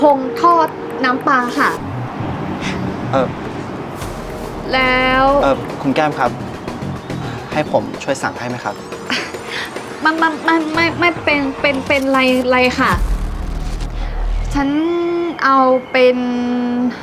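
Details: Acted stuttering by a female character in a comedy skit, who later says she did not stutter from birth and that it came from a lack of self-confidence; stuttering (acted).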